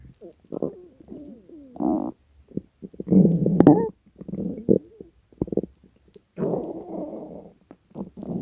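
Gurgling, squeaky and rumbling stomach growls in irregular bursts, ordinary hunger-related bowel sounds.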